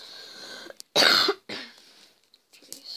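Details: Single loud, harsh cough burst with a smaller follow-up from a sick gamer during Minecraft Pocket Edition survival games, faint game noise in background; cough.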